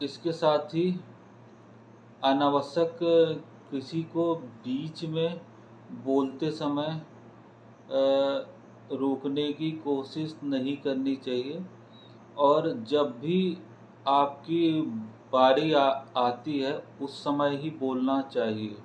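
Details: Stammering (stuttering) in a 41-year-old man who has stammered since childhood and says he still stammers but manages it.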